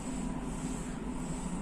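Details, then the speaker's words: Electric medical suction machine running with its port blocked, giving a steady low motor drone without breaks as vacuum pressure builds. "can see that pressure is building up that is vacuum is building up this is how a suction machine is working"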